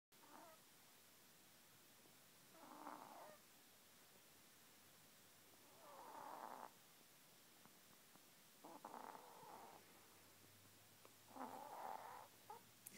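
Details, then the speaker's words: Sleeping dog snoring with its tongue out; soft, nasal snores roughly every three seconds in a quiet room; snoring. "sound asleep again somebody's snoring wonder if I could tickle her ear"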